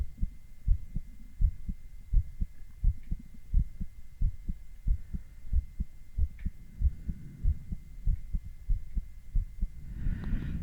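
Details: Male adult heartbeat recorded with ECG: steady low lub-dub thumps at roughly 85–90 beats a minute over a faint electronic hum; heart sounds.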